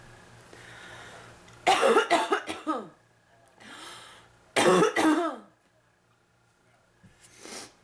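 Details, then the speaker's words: Day two of illness, now diagnosed bronchitis, with chest pains from coughing so much and phlegm coming up: two bursts of repeated harsh, chesty coughs, each followed by an inhalation, over a low steady hum. "day two of this I'm getting sicker I'm not blaming allergy and it's officially bronchitis and it's all her fault just so you know"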